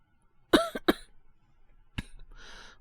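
Three short, harsh coughs in a quiet room followed by a breath out, acted as the cough of a young man with a feverish cold.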